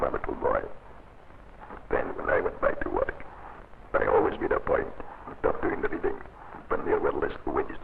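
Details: Man whose larynx was surgically removed, using trained esophageal speech; scenes possibly dramatised; esophageal speech.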